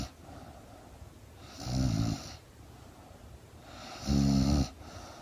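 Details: A sleeping woman (girlfriend): two low, fluttering snores on inhalation about two and a half seconds apart, with quiet breathing between; snoring.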